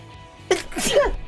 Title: 【/自用無烤】sneeze 2